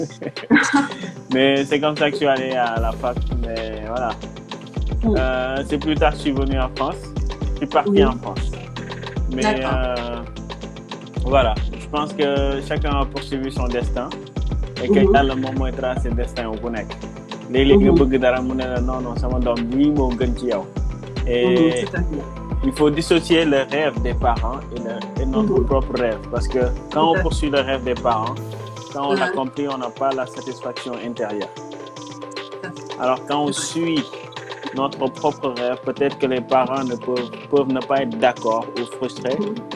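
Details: Adult speaker; no disorder.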